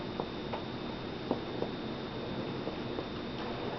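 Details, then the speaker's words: Percussion on the back of a female patient in a nursing COPD assessment: soft, irregular tapping giving a hollow, resonant note over the lung. "is good you want to hear that Hollow sound"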